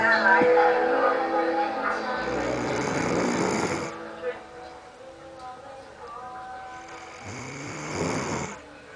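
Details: Man who fell asleep while watching a movie, snoring loudly: two rough, rattling snores over television sound and music in the room; snoring.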